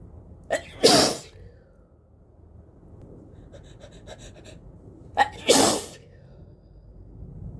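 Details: Person with a cold sneezing into a face mask: two forceful sneezes, each with a short in-breath before the burst, separated by a quiet pause with faint rustling.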